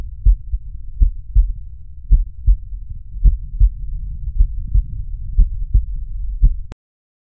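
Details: Normal heart sounds on cardiac auscultation over the valvular auscultation foci, recorded for teaching: low, regular lub-dub beats at about 54 a minute with no added sounds.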